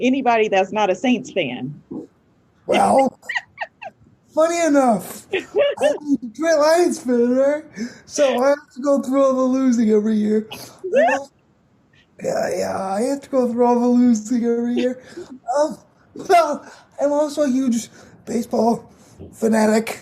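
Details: 22-year-old man with cerebral palsy affecting his muscles, muscle tightness making talking harder, effect audible in his voice; dysarthria (cerebral palsy).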